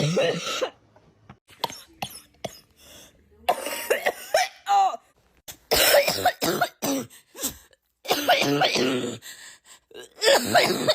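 Repeated coughs and throat clearing from different people, cut together in quick succession with brief silences between.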